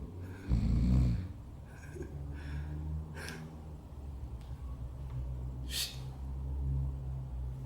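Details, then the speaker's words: Simulated snoring by an actor in an amateur short drama film: a person snoring while asleep; snoring. "Madem horlamıyorsun. Al bakalım. Bir de horlamıyorum diyor."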